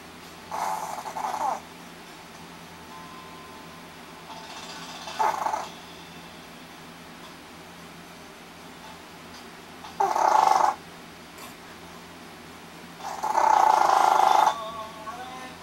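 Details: A female pet's earlier snoring recording: four irregular nasal snorting snores break up a steady low room hum; snoring from a small animal.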